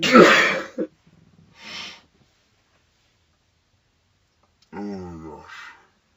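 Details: Girl having a sneezing fit in a car, shown in slow motion: a slowed-down sneeze burst with a breathy intake, then a drawn-out voiced sound after a pause.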